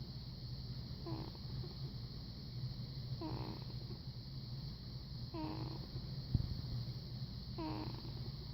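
Soft, brief squeaky snores about every two seconds, roughly 28 a minute, under steady background hum; quiet, harmless sleep snoring.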